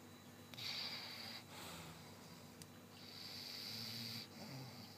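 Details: Adult snoring at midnight: two long, harsh, rattling snores on inhalation with a quieter breath between; loud habitual snoring.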